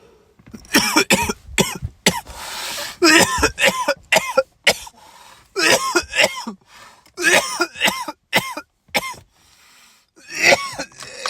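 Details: Adult male coughing fit after smoking a rolled joint: a long series of harsh, hacking bursts, some voiced and rasping, with brief gasping pauses between volleys.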